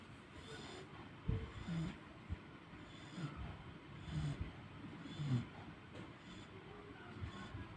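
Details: Sleeping dog snoring: soft low snorts and rumbling breaths recur every couple of seconds over faint room noise.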